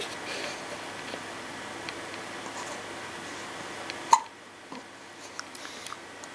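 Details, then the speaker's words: 10-day-old baby with hiccups: one abrupt, short hiccup against quiet room noise. "Do you have baby hiccups? Do you have... You got some baby hiccups."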